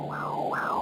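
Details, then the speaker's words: Umbilical cord Doppler during a home midwife appointment in pregnancy: pulsing whooshing rising and falling with each beat, blood flowing from the placenta through the cord to the fetus; umbilical cord Doppler flow. "body that's the sound of the blood flowing from My Placenta down through the umbilical cord into our baby it's supplying the fetus with oxygenated and nutrient-rich blood"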